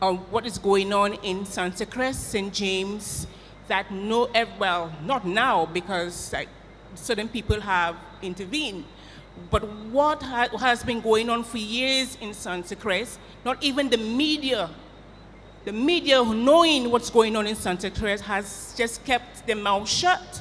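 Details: Adult woman speaking; ordinary speech.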